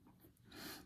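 A sleeping cat gives a soft, brief snorting breath, a light snore in a quiet room.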